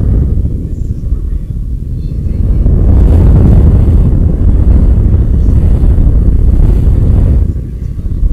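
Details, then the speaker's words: Surface EMG on the demonstrator's own muscles during weight lifting, amplified by a homemade two-op-amp sEMG device fed into a computer sound card: loud low crackling rumble swelling with effort, easing at rest — muscle electrical activity made audible. "and that's that so that's uh emg device um and that's measuring the electrical activities in my muscles"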